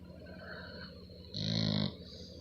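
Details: Female, fast asleep, snoring; one short, loud, rough buzzing snore over a steady hum of background noise. A single deep snore.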